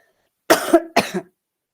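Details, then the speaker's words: Adult with an ongoing chest infection gives two harsh, slightly wet coughs in quick succession while recording a podcast; cough. "Excuse me. As you can still as you can hear, I'm still battling um with a chest infection."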